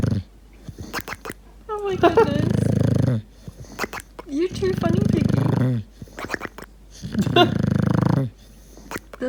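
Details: Deaf English bulldog puppy napping after a long day of playing in a cow field: deep rumbling snores with wavering, trilling squeaks and rolled 'prrrp' sounds over about three breath cycles; noisy snoring.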